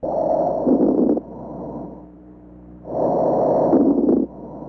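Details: Lung sounds of unstated type: two loud, rushing breath cycles, each with a breath in and a quieter breath out.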